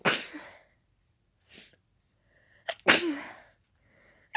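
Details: Two sharp, wet sneezes with a softer snort between, in a quiet room, triggered by closely smelling daisies; allergic sneezing.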